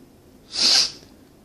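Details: Self-recorded sneeze induced by inhaling chhinkni (snuff) from a key tip into each nostril and sniffing until tickle built: a single soft, hissing nasal burst under half a second, a small sneeze.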